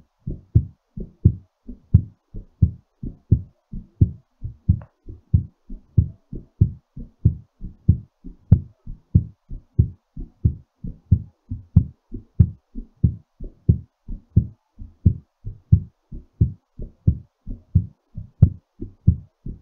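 Strong, regular low thumps at about 94 beats a minute, a quickened but normal heartbeat while recovering after exercise.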